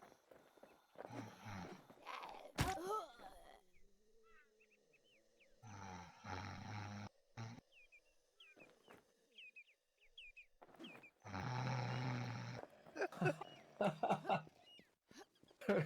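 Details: Sleeping animal snoring: loud, rough rattling snores about every five seconds, with birdsong in the background.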